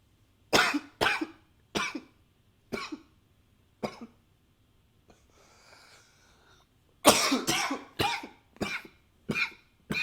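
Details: Recorded with a new high-fidelity microphone: about ten sharp cough bursts in two runs, separated by a brief soft nose-blowing sound; repeated coughing.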